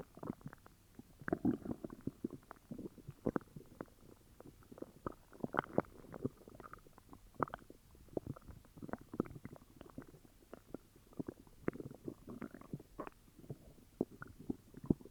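Quiet irregular gurgling and bubbling rumbles from the belly, continuing throughout: stomach growling with an upset stomach.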